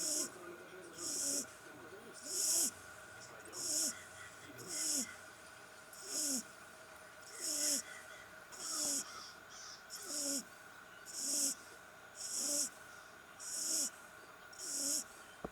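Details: English Brindle Bulldog puppy about 6-7 weeks old sleeping peacefully, small snore: soft, regular snuffling snores with a hissing, whistly edge, about 50 a minute; light snoring.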